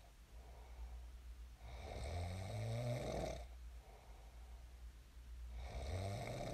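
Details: Real recording of a person snoring in their sleep, shared as snoring ASMR: loud, drawn-out rumbling inspiratory snores of about 1.5 seconds each, with quieter exhalations between.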